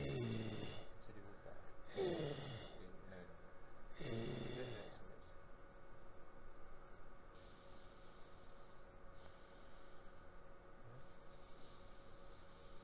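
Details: Left vocal cord paralysis of unknown cause with no return of function after 6 months, before injection thyroplasty, with a large phonatory gap and compensatory supraglottic squeeze; breathy dysphonia from unilateral vocal cord paralysis.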